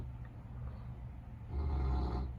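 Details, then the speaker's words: A low, rumbling snore from a sleeping dog in the background, with a louder rough breath building in the second half over quiet room noise. "my dog snoring in the background coda again the bear if you can hear it"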